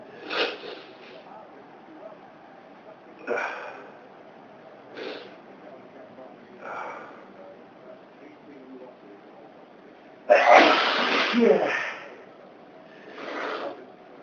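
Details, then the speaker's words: Adult sneezing fit triggered by household dust during cleaning, reported dust allergy that sometimes causes bad sneezing: about six sneezes over fourteen seconds, one especially forceful. "There's dust all over the place. Dust. Really makes me. Yeah. Makes me sneeze."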